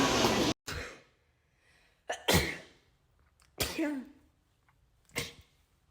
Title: TikTok Rapid Sneezing Compilation 7